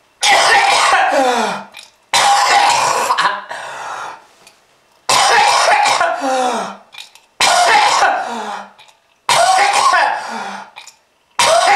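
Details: Acted bouts of harsh, rattling, throat-clearing coughs, about five in a row, portraying a persistent smoker's cough as a warning about smoking-related disease.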